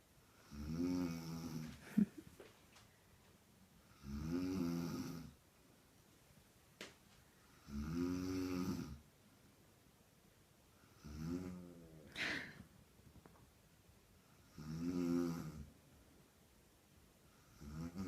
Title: Pranking my snoring mum